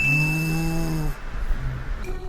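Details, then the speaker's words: Acted snoring in an advertisement: a partner snoring for the second hour keeps the other awake. One long, loud, low rumbling snore, then quieter noisy breathing. "哪，这已经是第2个小时了，怎么可以这么吵啊？快要疯了，这样我要怎么睡啊？"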